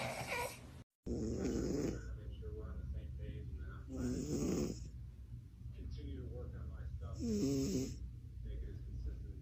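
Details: Kitten snoring loudly in deep sleep, sounding like a grown man.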